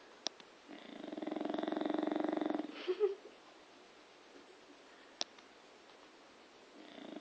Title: bulldog snoring!